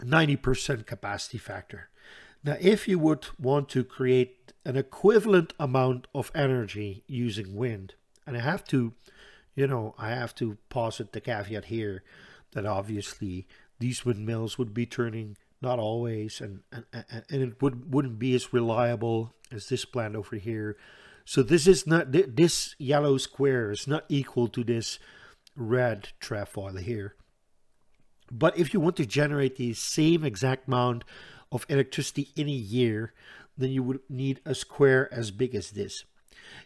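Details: Stuttering in an adult Dutch man who says he stutters audibly all the time, with a stutter in which he hangs up between his words; word repetitions in this stretch.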